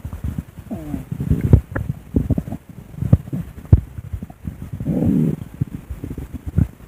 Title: my recorded stomach growling w/art